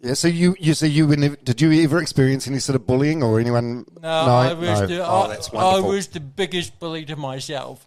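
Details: Two adult men in conversation; ordinary conversational speech.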